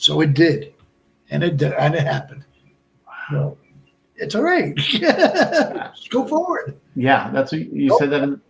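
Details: Man about 57 years old, over 8 years after a stroke at age 46 (March 2011), also a heart transplant recipient; Broca's aphasia.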